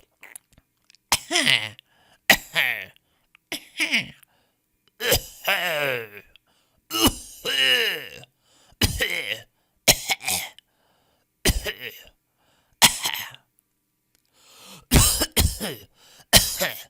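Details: Stock audio of people coughing in varied styles: about a dozen coughs, some sharp and dry, others with voiced, throaty tails.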